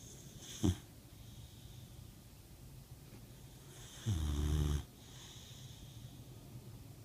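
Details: Sleeping dog: a soft snort, then a low rumbling snore lasting under a second, over a steady low room hum; snoring.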